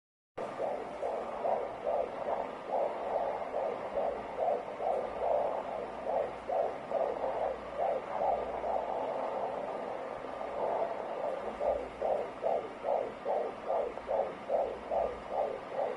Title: Fetal Heartbeat